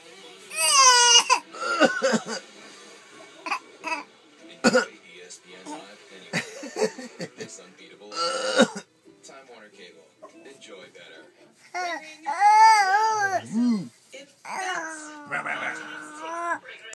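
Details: 6-month-old baby fake coughing: short, deliberate throaty cough sounds mixed with voiced squeals, television talk in background; voluntary cough, not illness.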